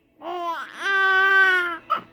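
A short, clear, tonal infant cry in two voiced bursts, followed by a brief gasp; an ordinary baby cry.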